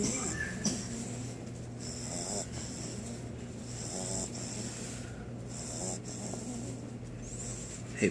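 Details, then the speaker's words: Sleeping bulldog puppy snoring: continuous rough, snorting breath noise with a faint hiss on each breath, while someone tries to wake it. "you're snoring too loud hey hey we go wake it up come on little fat boy hey buddy I can't see I can't sleep man need to wake up man you're snoring to love"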